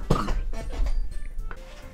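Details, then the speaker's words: An adult who says their lungs hurt keeps coughing while recording despite cough medicine: three short, muffled coughs in quick succession over faint background music, a repeated cough. "We're 5 minutes into the recording and I'm already having to take a break because I just keep coughing."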